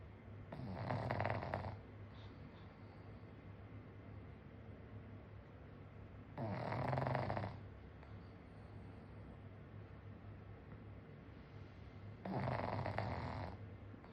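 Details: Pug napping soundly after a meal: three loud, rattling inspiratory snores about every six seconds, roughly 10 breaths a minute. Loud snoring in a flat-faced dog.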